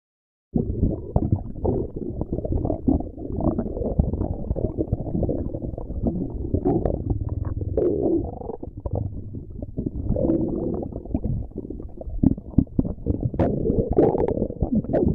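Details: Continuous low rumbling and gurgling from the belly: ordinary stomach growling; borborygmi.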